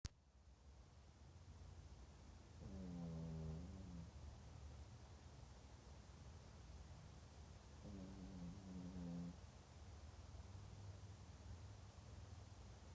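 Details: Pet sleeping comfortably: two soft, low, buzzing snores about five seconds apart over steady background hiss; ordinary snoring.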